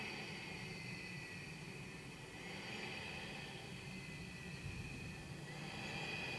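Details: CPAP machine from 2007 switched on twice: first starting at low pressure and gradually ramping up to the prescribed pressure, then a mask fit test at full prescribed strength.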